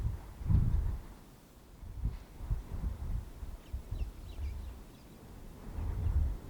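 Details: Elephant in the wild snoring: deep, low rumbling breath sounds in slow irregular cycles, rising and falling with each breath; heavy snoring from a large animal.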